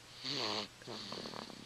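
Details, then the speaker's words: Sleeping pet lying with one paw in the air and one at its side, snoring just after midnight: a short, harsh, whistling snore on the in-breath, then a rattling, fluttering breath out. "one hand in the air one hand in the side of course it's a loud breathing or in this case snoring how you doing baby"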